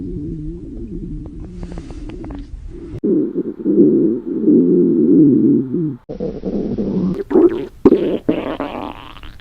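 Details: Young women during a gravure photo shoot, hungry: long, loud gurgling and rumbling stomach growls in several bursts; ordinary hunger borborygmi.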